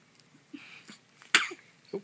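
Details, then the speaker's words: Three-day-old newborn with hiccups gives a single sharp, high sneeze, preceded by small breathy sounds and followed by a brief soft vocal sound. "they make me sneeze good one hi K hi baby hi they suck don't yeah nobody likes the hiccups"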